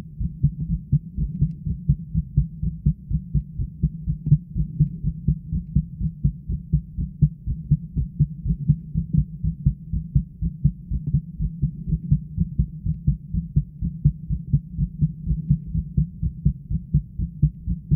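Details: Own heartbeat picked up at the chest: steady, regular low thumping with a faint hum behind it. Continuous pressure on the heart made the upper body sway after a while.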